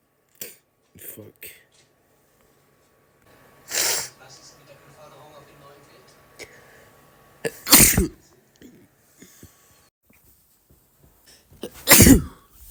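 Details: A boy gives three loud, explosive sneezes with faint sounds between them, each a sudden burst of air through nose and mouth; sneezing.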